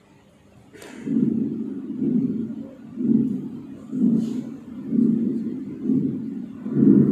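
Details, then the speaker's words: Continuous murmur from continuous flow through the ductus regardless of cardiac cycle, rising then falling in intensity, with continuous background noise: patent ductus arteriosus. "again this is the continuous background noise"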